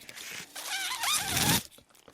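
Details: The speaker's own mechanical ventilator during podcast speech: a single rushing, hissing airflow with a rising, wavering whistle, then quiet, as a breath is delivered; mechanical ventilator sound.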